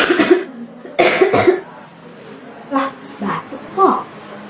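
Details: Acted cough with itchy throat: three short, harsh coughs followed by brief voiced sounds.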